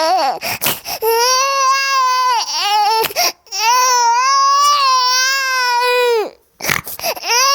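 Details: Hungry baby crying: loud, high-pitched infant wails in long sustained bursts with quick gasping breaths between, typical of a hunger cry.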